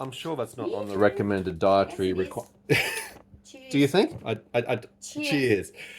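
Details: Adult man speaking; no disorder.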